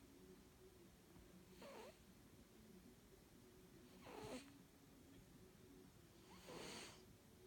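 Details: Gentle snoring from a sleeping cat: faint, raspy breaths about every two and a half seconds over a quiet hiss.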